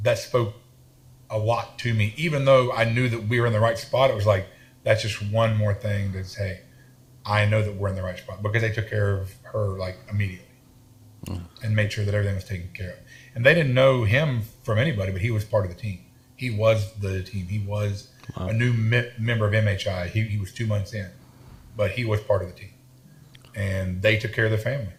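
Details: Adult man with a self-reported stutter and lisp, in speech therapy his whole life; stuttering.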